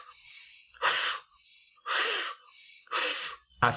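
Three soft, breathy blowing whooshes, each about a second long, vocally imitating a high-pitched regurgitant heart murmur; brief speech follows.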